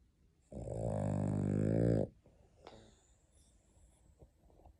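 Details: #tank #daddy #snoring: One long, deep, fluttering snore from a sleeping dog, followed by quiet breathing.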